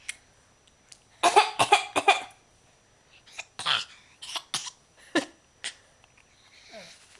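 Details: A young child gives a string of short, deliberate coughs on request, a voluntary fake cough rather than illness.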